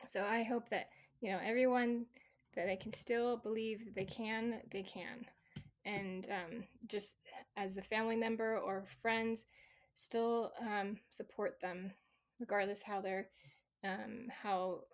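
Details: Residual aphasia in a female stroke survivor, 26 years after the stroke; her aphasia was originally global, with inability to read, speak, understand or write, and improved gradually over time.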